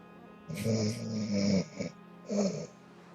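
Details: Loud, rough, droning snoring in short bursts from a sleeper, with faint music in the background.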